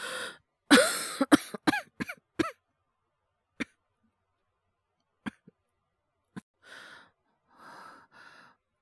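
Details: Acted cough by a male voice actor, part of a wordless cough/illness/hyperventilation voice collection: a voiced burst, rapid run of short coughs, scattered single coughs, then breathy exhalations.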